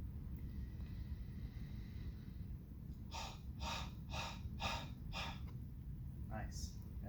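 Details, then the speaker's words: Huff coughing (forced expiration technique) demonstrated by a patient with hands on stomach: inhale big breath through the nose, then exhale with forceful huffs or coughs; taught for respiratory secretions and chronic obstructive disease. "and then when you exhale you can either do a or do a kind of a huffing where you're so I would like you to demonstrate that for me"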